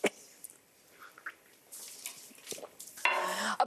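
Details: A few brief, muffled cough bursts from an adult female TV news anchor live on air, with faint throat sounds between; coughing fit.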